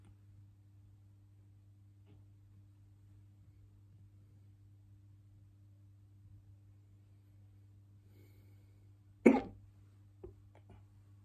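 Quiet room, then one sharp abrupt burst and a softer second sound, fitting a hiccup or short cough.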